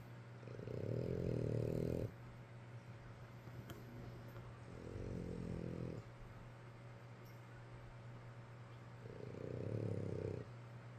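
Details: Sleeping alongside father: three deep, rumbling snores, each about one to two seconds long, separated by quiet pauses over steady room hum; snoring.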